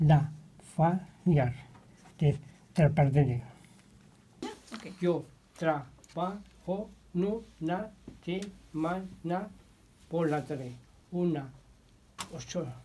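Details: 61-year-old patient with non-fluent primary progressive aphasia, in therapy about two years (since July 2016); motor-predominant aphasia, apraxia, phonemic paraphasias, important inhibition difficulties; rapid picture naming. Non-fluent primary progressive aphasia with apraxia of speech.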